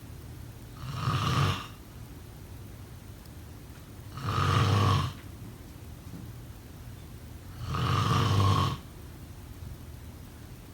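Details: Sleep snoring sound effect: three slow, deep snores about every 3.5 seconds, near 17 breaths a minute, over steady room hiss; snoring.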